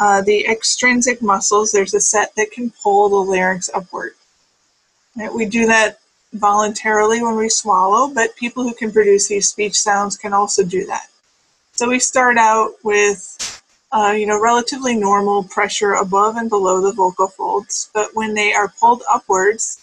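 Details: Adult speaker; normal speech.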